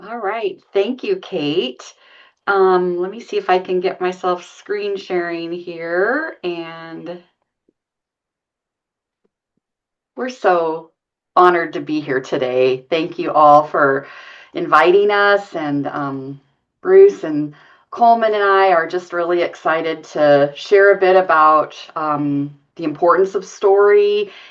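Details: Adult woman speaking; normal speech.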